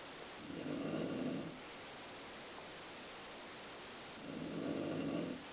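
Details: A mother snoring in sleep: two soft, rough inhaled snores about four seconds apart over steady room hiss.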